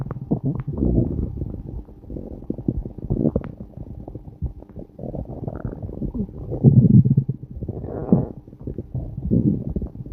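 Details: Stomach growling recorded on a day the person had long farts: loud, continuous rumbling and gurgling with deeper swells; ordinary bowel sounds (borborygmi).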